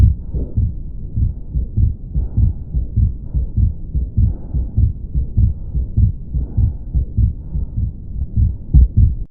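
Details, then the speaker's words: Atrial septal defect murmur, a hole between the atria: regular heartbeat near 100 a minute with a soft blowing murmur between beats. "आगे की disease की condition है यहां पर Asad atrial sector defect तो यह भी एक बट डिफेक्ट है जहां पे जो अतरियम जो ऊपर के दो चेंबर रहते हैं इनके बीच में होल देखने को मिलता है इसकी वजह से भी यहां पे कुछ इस तरह आवाज आई है"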